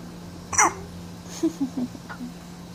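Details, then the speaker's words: A sharp hiccup catch followed by soft vocal sounds from a sleepy baby, steady background hum; infant hiccups. "You have hiccups, baby? You have hiccups? Huh? You have hiccups?"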